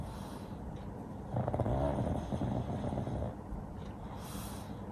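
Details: Paddington, a sleeping pug, napping and twitching: low, rough snorting snores with one louder burst amid steady noisy breathing; ordinary snoring in a flat-faced dog.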